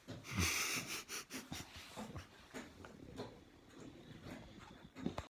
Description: Funny snoring boxer wakes up 😁